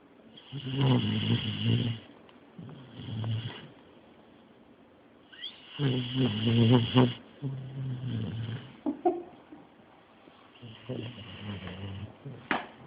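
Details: Male sleeping deeply after medication, snoring loudly: loud, rough, rattling snores on both inspiration and expiration in irregular bursts.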